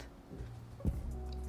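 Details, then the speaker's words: Adult's own stomach heard during a live stream: a low, droning rumble with a brief gurgling surge. Audible stomach growling (borborygmi). "me sorry that was that was my stomach there you can hear it just ignore that don't clip that"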